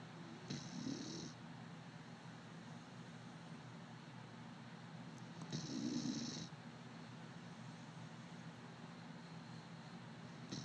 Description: My puppy bear snoring